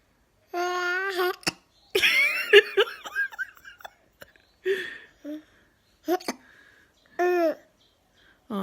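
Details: Mother and baby with hiccups at the same time: a few sharp, abrupt hiccup catches between baby babbling and adult laughter; hiccups.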